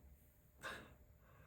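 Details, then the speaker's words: A single brief, rough, snort-like snore from a resting cat over low room hum; the owner suspects a slightly deviated nasal septum and says the cat snores constantly, even sitting awake. "je sais pas si vous entendez le chat qui ronfle à côté. Oh bébé, tu ronfles. C'est pas moi, c'est le chat qui fait des r de bruit."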